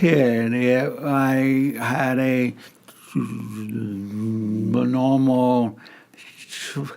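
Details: Stuttering in an adult male who lives with a stutter and also has hearing difficulties.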